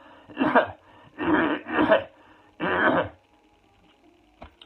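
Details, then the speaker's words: Deliberate fake cough through a tensed throat, felt down in the diaphragm: four forced coughs in two pairs, demonstrated as a coronavirus-era cough technique for checking the lungs for phlegm buildup; voluntary cough. "And feel it down in the diaphragm. And fake cough."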